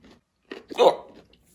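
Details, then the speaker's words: A single abrupt, voiced gulping hiccup amid quiet eating sounds, from a person whose food has no spice and who is puzzled by recurring hiccups. Finding: hiccup. "there's no spice on here so I don't understand why am I getting the hiccups I don't get it what's up with these freaking hiccups"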